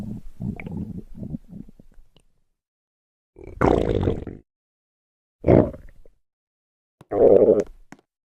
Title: [ Reupload ]Nooooooooooo stomach growling